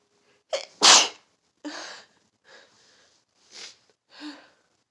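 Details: A fall sneezing fit: about six sharp, hissing sneezes in quick succession, the second the loudest.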